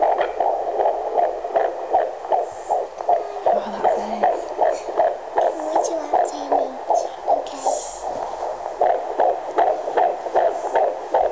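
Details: Fetal heartbeat at 15 weeks 3 days on a handheld Doppler used by a midwife at home, rapid regular whooshing about 155–160 bpm, baby felt moving; fetal heartbeat on Doppler.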